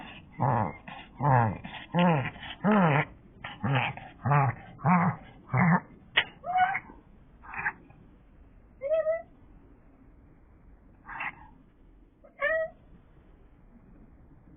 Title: ※閲覧注意！逆くしゃみ？過呼吸？？Be careful when browsing! Dog reverse sneezing? hyperpnea? ??